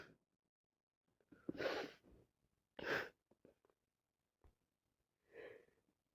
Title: This cold kicking me constantly sneezing and blowing my nose